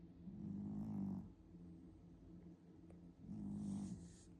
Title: The Way My Cat Snores 😆🙊